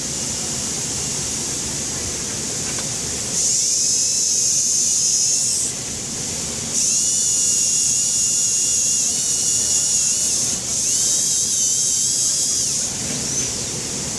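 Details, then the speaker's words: High-pitched dental handpiece whine in three bursts with short pauses as a finer disc smooths the marginal ridge of a Class II maxillary MO composite filling on tooth #3. "And afterwards, I'm going to use a finer one to just make sure it's nice and smooth."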